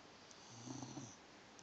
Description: I love when our dog snores while she is sleeping!